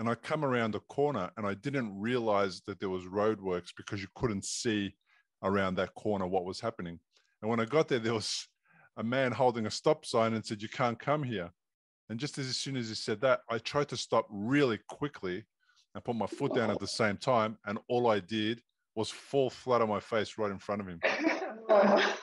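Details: Adult male speaker; normal speech.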